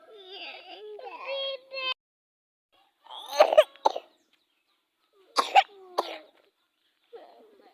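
A young child fusses and cries with several short, harsh cough bursts in between; coughing with a cold.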